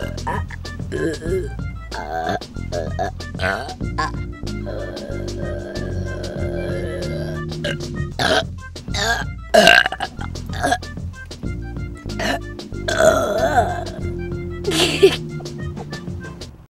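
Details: Children burping in a spec commercial: several loud belches between children's voices, with music playing underneath.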